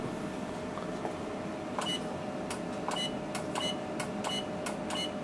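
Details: CO2 laser firing single pulses with a finger positioned under it, settings of 2.5 and 1.0 mentioned; about nine short, sharp beeping clicks over a steady room hum.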